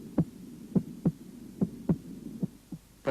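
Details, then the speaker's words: Cardiac auscultation demonstration, regular paired heart sounds at about 70 beats a minute, heard over Erb's point, first sound louder than second at the apex normally: normal heart sounds. "в норме на верхушке первый тон громче второго"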